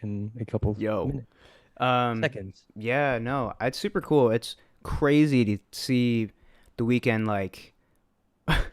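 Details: Adult male speaker; no speech disorder.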